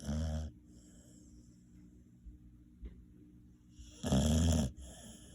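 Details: Snoring: two loud, rattling snores with a quiet breathing pause between them; ordinary snoring.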